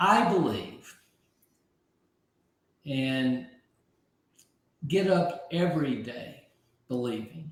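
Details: Aphasia in an adult man after a stroke about 15 months earlier; at first he could not be understood at all, and he has since relearned over 20,000 words.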